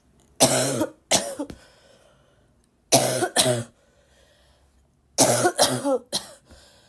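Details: Girl still sick, coughing a lot, possibly a barking cough: three bouts of harsh, forceful coughing, two to three coughs each, with quiet breaths between.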